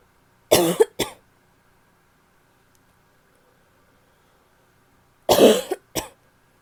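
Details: Annoying barking cough from a female: two pairs of harsh, abrupt coughs with a hollow, barky edge, separated by a quiet pause.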